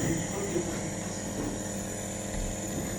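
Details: Omron NE-C28 PLUS compressor nebulizer running with saline in the medicine container: steady loud mechanical hum and rattle, faint voice in the background.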